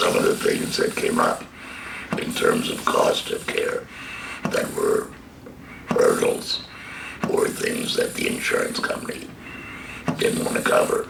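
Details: Adult man, laryngectomy for stage III-IV squamous cell carcinoma of the false vocal cords diagnosed March 2015, speaking via tracheoesophageal puncture valve through a stoma with HME filter; tracheoesophageal speech.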